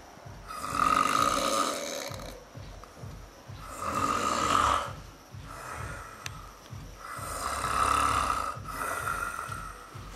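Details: Extreme heavy snoring: loud, rough snores on each breath in, roughly 17 breaths a minute, with quieter breathing between them.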